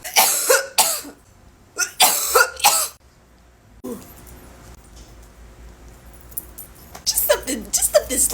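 Repeated harsh, explosive coughs with throat clearing in an adult after inhaling smoke.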